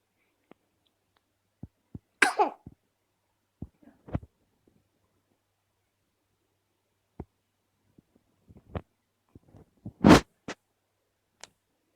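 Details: Person with hiccups: sharp, abrupt bursts spaced irregularly, two louder ones among smaller clicks and catches.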